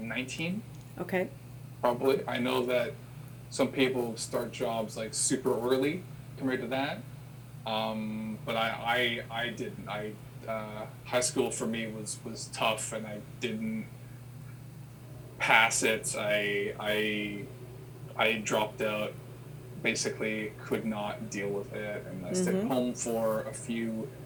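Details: Adult man who has stuttered since he could talk, had school speech therapy as a child, with father and older brother who also stutter; stuttering.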